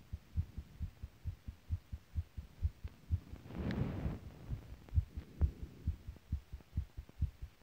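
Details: Steady, regular low thumps of an adult's own heartbeat, a first home recording, with a brief rustling noise midway.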